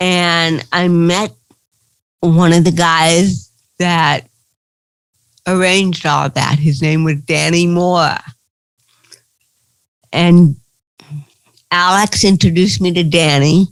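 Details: Dysarthria in an adult woman with cerebral palsy.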